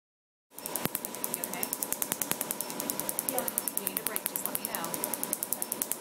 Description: Have an unwanted tattoo you are thinking of having removed? In this video a client is having their first laser tattoo removal procedure at one of our tattoo removal clincs.